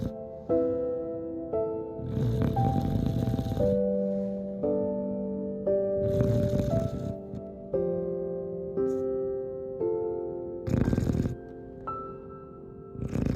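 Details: Female Chow Chow puppy snoring: soft, rough snoring breaths roughly every four seconds, partly covered by gentle background music.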